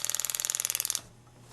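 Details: Powertome powered periotome on a tooth of a training model, working the distal while supporting the jaw: rapid high-pitched ticking pulses, about twenty in one second, then quiet, loosening the tooth for extraction.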